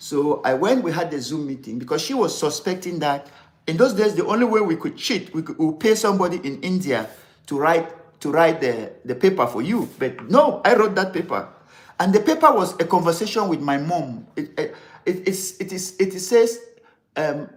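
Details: Adult man, severe stammerer since childhood, later diagnosed with attention deficit disorder (ADD), which he blames for word substitutions; still has difficulty pulling out words in this unedited live speech; stammering.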